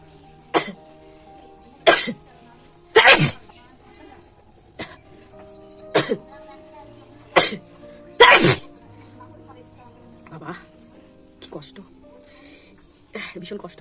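About eight sharp bursts of sneezing and nose-blowing, spaced a few seconds apart, with music playing in the background. These are repeated sneezes.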